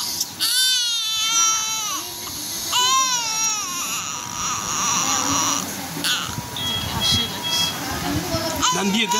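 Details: High-pitched newborn cries in strained bursts with gasps between them, over room noise and a steady electronic tone: a newborn crying during nasal suctioning in hospital.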